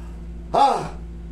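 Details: Single short voiced gasp over quiet room hum from a man with a painful shoulder during a manual alignment (hilot) session.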